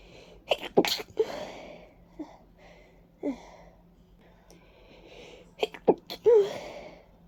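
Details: Person stuffy and congested with runny nose and watering eyes, attributing it to ragweed and dust; several wet congested sneezes in two clusters with sniffs and breaths between; allergic sneezing.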